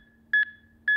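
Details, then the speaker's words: Steady high-pitched beeps about every half second, roughly 110 a minute, over a low hum from a HeartSine Samaritan PAD 500P AED with CPR advisor, adult patient, instructional demonstration; metronome pacing chest compressions. "Place overlapping hands in middle of chest press directly down on the chest in time with metronome remain calm when performing CPR"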